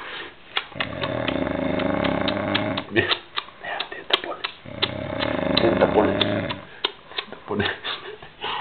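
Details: Person snoring in Viveiro, so loudly that a listener mentions earplugs and eight hours of it; loud, rough, vibrating snores with long drawn-out breaths and brief gaps in a small room; heavy snoring.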